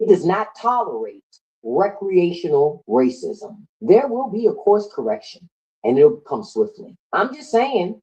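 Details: Adult male speaker; Ordinary speech.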